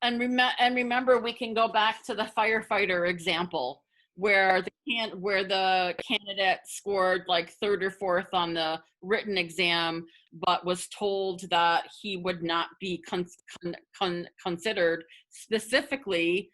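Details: Adult person who stutters, speaking spontaneously as a webinar panelist, with part-word and word repetitions; stuttering.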